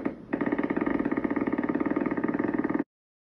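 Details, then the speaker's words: EMG recorded by phone from the screen: rapid, regular crackling pops firing about twenty times a second with a rough, buzzy quality; large polyphasic neurogenic motor unit potentials from collateral sprouting. "I wanted to show you the difference this is a neurogenic unit from collateral sprouting"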